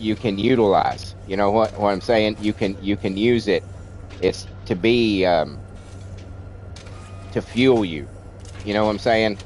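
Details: Stuttering in an adult man with a childhood-onset speech impediment, treated with speech classes in kindergarten and first grade; he says it is milder than in childhood but audible when he talks a lot.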